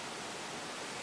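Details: Child struggling to breathe despite oxygen; after a quiet moment a loud, harsh, musical high-pitched breathing noise rises and holds, consistent with stridor.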